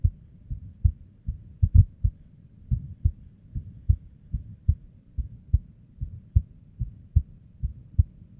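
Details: Irregular heartbeat: a woman's abnormal, unstable resting heartbeat, recorded with limited equipment. Dull paired heart sounds at about 75 a minute with uneven spacing, some beats coming early.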